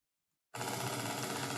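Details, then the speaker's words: Single fiber EMG demonstration: silence, then continuous crackling, buzzing sound that keeps changing with jumping potentials and poor trace superimposition; mildly increased jitter of 38 microseconds, higher than the 10-microsecond low-normal example. "sound it keeps changing you can see the potential all also jump so this is slightly higher Jitter compared to the previous recording and the Jitter was 38 microc"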